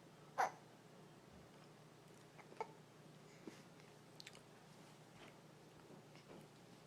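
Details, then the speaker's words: A person with a few brief, sharp, spaced hiccup catches in a quiet room, the clearest near the start; hiccups. "you got the hiccups?"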